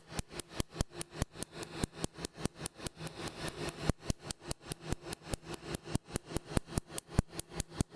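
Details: Second laser tattoo removal session on a woman's central chest tattoo, starting at the top; rapid, regular sharp snapping laser pulses, about 97 a minute, over a low hum.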